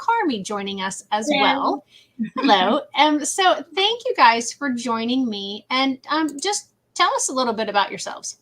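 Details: Adult woman; typical speech.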